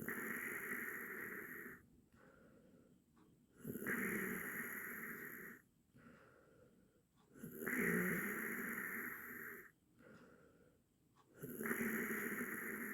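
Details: Loud, rough snores on each in-breath with quieter out-breaths, about 15 breaths a minute; from an 8-minute snoring sound-effect recording.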